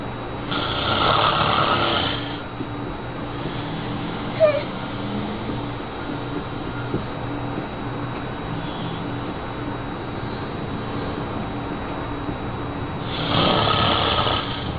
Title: 寶寶被打呼聲嚇壞了,Sweetie was snoring frightened